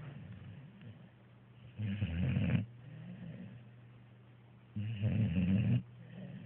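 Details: Snoring: two loud, rough, low rattling snores about three seconds apart, with quieter breathing between them.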